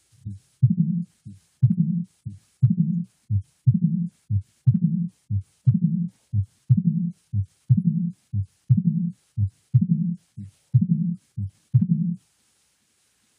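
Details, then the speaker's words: Mitral stenosis: regular low heart sounds at about 60 a minute, with the first heart sound, a gap, then the second heart sound and an opening snap, followed by a low diastolic rumbling murmur. "so what you're going to hear is the first heart sound followed by a gap and then you will hear the second heart sound in an opening snap and after the opening snap you'll hear that diastolic Rumble murmur of mitro"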